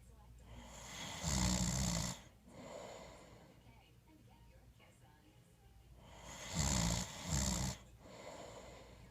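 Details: Loud, rough rattling snores on each in-breath, with quieter out-breaths between them; ordinary snoring.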